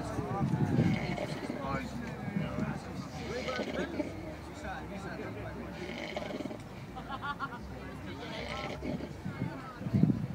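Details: Man sleeping outdoors at a music festival: rough, rattling, low snores in repeated bursts, with outdoor chatter and noise in the background.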